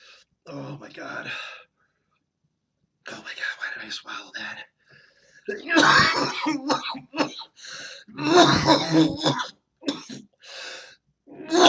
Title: Eats Sundried Ghost Chili Pepper. Coughs to Death While Doing So!